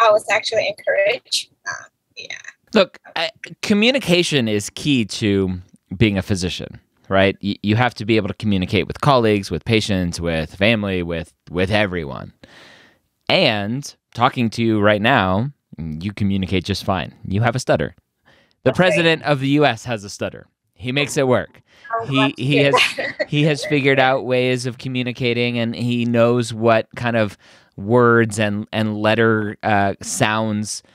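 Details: Adult male speaker; normal speech.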